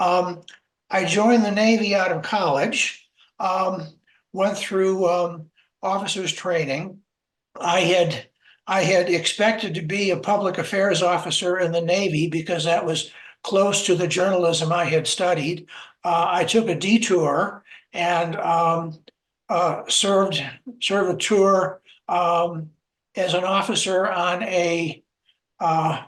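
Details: Adult man, a self-identified person who stutters, speaking in a webinar on stuttering at work; repetitions of words and phrases are heard; stuttering.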